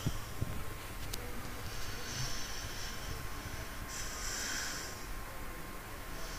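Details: Someone sleeping, dreaming and twitching: slow, hissing, snuffly breaths with a faint snore over a steady low hum; ordinary sleep snoring.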